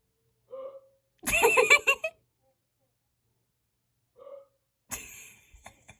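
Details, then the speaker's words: A dad's hiccups heard through a vent: two sharp, abrupt voiced hiccups a few seconds apart, each with a brief trailing vocal sound. "dad legit got the hiccups and it sounds so weird. And I can hear it through my vent."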